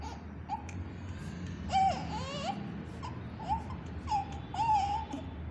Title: newborn baby crying vedio #newbornbaby @childcareprakash #newborn#baby #fullterm